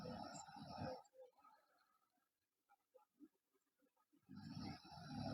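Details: Sleeping girl with loud, rough rattling snores at the start and end and a quieter gap between; loud snoring.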